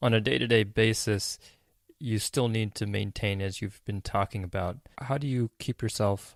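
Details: Adult male speaker; Normal fluent speech.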